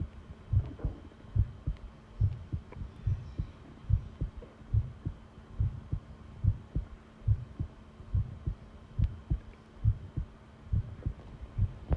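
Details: Long-duration heart sound recording: regular, strong lub-dub heartbeat at about 70 beats per minute with a faint steady hum behind; normal heart sounds.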